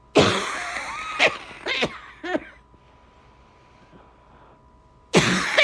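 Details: Adult coughing during a December cold: a run of harsh coughs with a strained, squeaky edge, a quiet pause, then another cough.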